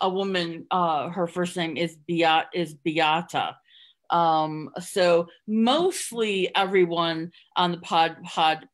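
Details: Adult woman who stutters, speaking in a real podcast interview. She hid her stuttering through avoidance for close to 30 years before embracing it and now stutters openly. Finding: stuttering.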